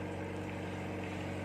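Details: Oxygen concentrator (0–5 L/min, with humidifier) running with the timer set and oxygen percentage slowly rising: a steady low motor hum with a constant drone, normal operating sound.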